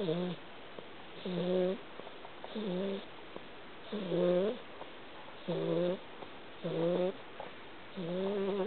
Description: I had no idea cats could snore until I met Chloe.